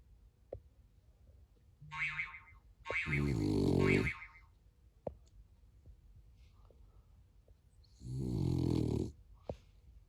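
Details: Dog sleeping on owner's lap, snoring: two loud rattling snores about five seconds apart, with soft clicks and quiet room noise between.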